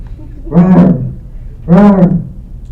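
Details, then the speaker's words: Vocal imitation in a lecture of the aortic stenosis murmur: two harsh rising-then-falling swells, a harsh systolic ejection murmur that can be transmitted to the neck. "but it's a harsh systolic ejection murmur in th"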